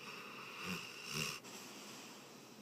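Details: Abbey, a pet dog sleeping peacefully; two soft, low, fluttering breath sounds, a mild snore.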